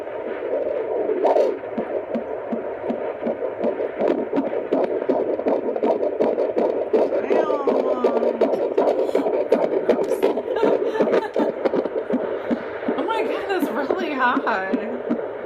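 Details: Fetal heartbeat at 23 weeks 4 days on Doppler, male fetus; fast, rhythmic whooshing pulses around 160 beats a minute, reading starts very high and then slows as the Doppler averages.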